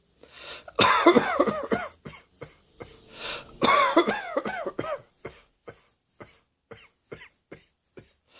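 Two loud bouts of repeated, harsh, voiced coughing from an adult, each a run of several coughs, followed by faint throat sounds: a coughing fit.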